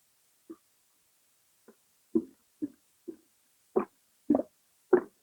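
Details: Stomach rumbling (borborygmi) with bloating: eight short gurgling, bubbling pops over about five seconds, growing louder; ordinary bowel sounds.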